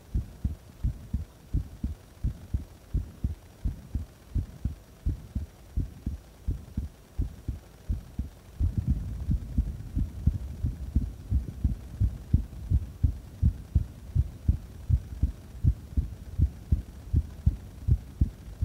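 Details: Normal heart sounds recorded during a breath-hold and afterwards: steady, deep paired thumps at about 86 per minute, with louder breathing noise joining once the breath-hold ends.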